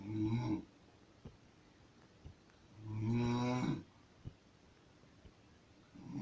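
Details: Loud, low rattling snores with quiet gaps, about 20 per minute, in a quiet room: an adult woman (mother) snoring, ordinary snoring.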